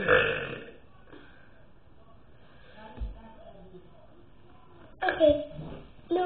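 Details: Person deliberately burping in the afternoon, around 4 o'clock, wanting to burp a lot: several loud, drawn-out belches with quieter sounds between; burping.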